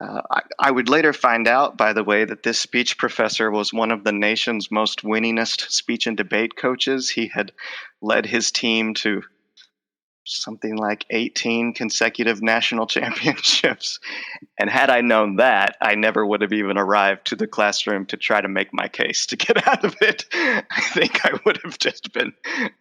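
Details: Stuttering in an adult male with a lifelong stutter involving blocks, repetitions and covert stuttering, who says his stutter is emerging as he talks in conversation.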